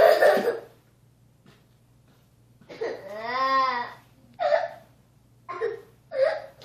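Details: A child's rough outburst, then drawn-out wailing and short sobbing catches with quiet gaps: a young boy crying after his little brother hit him.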